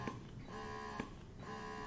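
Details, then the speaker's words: Freemie Rose electric breast pump demonstrated across cycle settings, cycles 4 to 9, slowing as cycle number rises: steady humming cycles with a soft click as each suction cycle releases. "cycle 4. You hear it starts to slow down. This is 5. This is 6. This is 7. This is 8. This is 9. It's really slow now."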